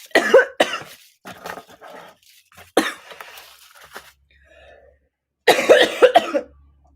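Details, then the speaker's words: Repeated harsh coughing bursts in several bouts with short pauses, from an adult coughing while smoking a cannabis joint; cough. "this [ __ ] joint is tasty it's gassy but fruity those are the terps that i like i love coughing and"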